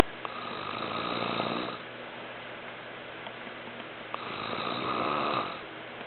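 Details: Father snoring, recorded as evidence for a sleep study: two long, rough, rattling snores about four seconds apart, with quieter breathing between.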